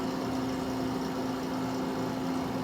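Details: Steady mechanical hum with a constant low tone from a Caire Companion 5 ECO stationary oxygen concentrator (up to 5 L/min) running normally while the flow rate is set.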